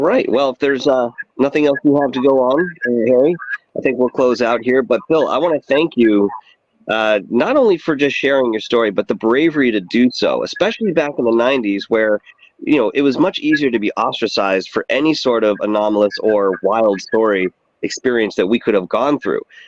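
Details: Adult male speaker; ordinary speech.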